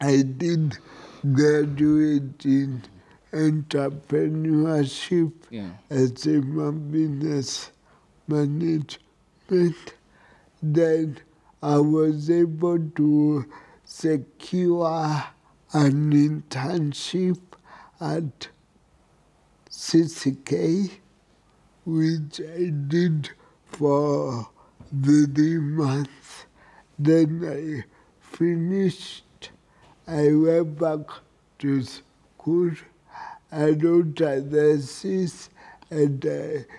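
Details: Dysarthria in an adult with cerebral palsy.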